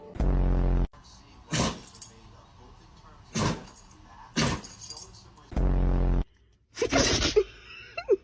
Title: dog sneezing are cute and funny the same time